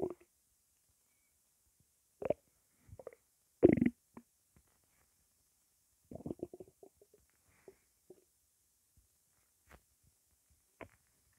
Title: hungry belly